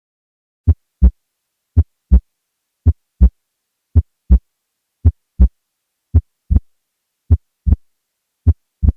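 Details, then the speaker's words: Loud P2, louder than A2 or easily audible at the apex, suggestive of pulmonary hypertension; regular heartbeat near 55 per minute with a prominent second sound. "however a P2 that is louder than A2 or one that is easily audible at the Apex is suggestive of pulmonary hypertension take a listen here"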